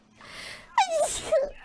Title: Sneezes A Few Times While Playing Outlast Trials